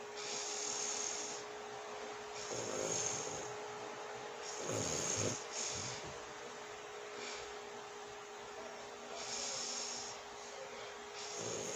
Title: watch me sleep #asmrsleep #relaxing #snoring #sounds